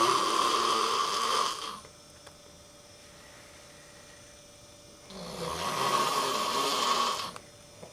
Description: My roommate snores...so i decided to make a movie of it.